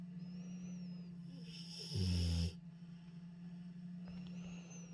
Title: snoring rottweiler